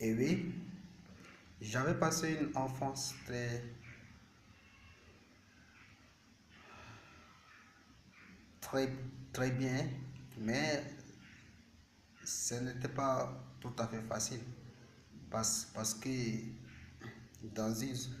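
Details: Stuttering in a male speaker, present since age 7, speaking French.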